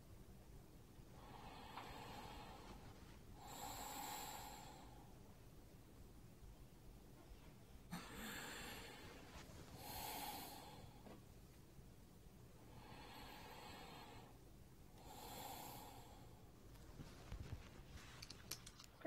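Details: Simulated normal breath sounds from a manikin in a nursing demonstration: soft, even breath sounds in steady cycles, with no crackles or wheeze.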